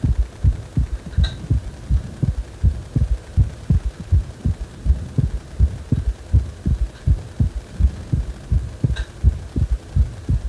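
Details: Heart sounds described as feeling like the heart is wobbling: steady low thumping heartbeat, regular rhythm, about 82 beats a minute, faint background hum.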